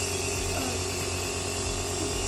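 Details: Omron NE-C106 compressor nebulizer, in use for 4 years, running with 3% sterile saline in the medicine cup: a steady mechanical rattling hum as it pushes air to make a mist.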